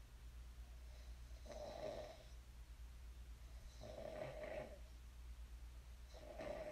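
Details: Three low rattling snores on breathing in within seven seconds, about 23 breaths a minute, over a steady low room hum; ordinary sleep snoring.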